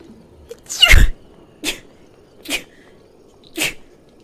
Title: Sneezing video (03) sneezing vidtube. (girl) Sneezing 2019.